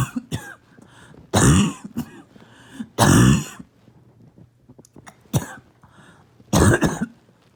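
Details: Adult barking cough: several loud, harsh coughs in separate bursts with quiet gaps and faint throat sounds between them.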